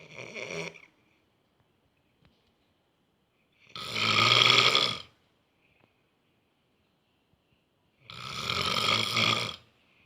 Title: Stressed engineering student snores like a lion grunting😂😂